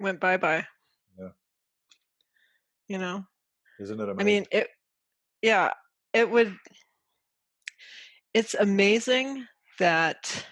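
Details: Adult woman with aphasia from a stroke caused by a carotid artery dissection that occurred during sleep, with trouble getting words out; aphasia.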